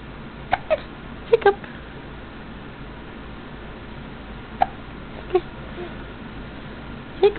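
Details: A drooling baby boy playing on a bed has six or seven short, sharp hiccup bursts, some in pairs, at irregular intervals over steady room noise; hiccups.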